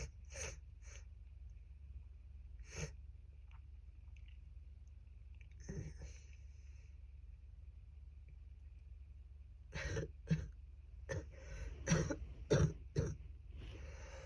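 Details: Adult with a cold at its worst (she feared pneumonia), lots of phlegm: repeated harsh coughs in scattered bouts, loose and phlegmy: wet productive cough.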